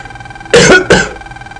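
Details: Two short, harsh coughs in quick succession from an adult with a cold and a hoarse voice, over faint background game music.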